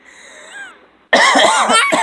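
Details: Adult man (daddy) coughing, which a child found hilarious; cough.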